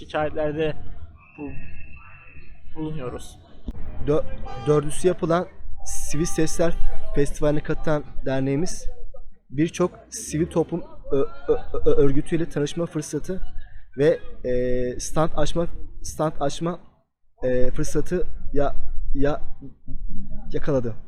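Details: Member of a stutterers' association speaking about its activities; it is not stated that this speaker stutters; stuttering suspected.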